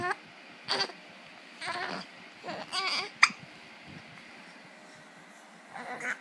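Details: Infant hiccups while playing on a bed: brief catching hics among baby coos and small vocal sounds in a quiet room.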